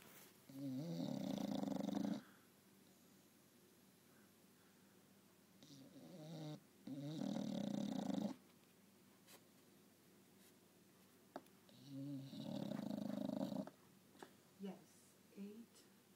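Throaty, fluttering snores with softer snorty breaths between, roughly 13 breaths a minute, in a quiet room. Dog snoring.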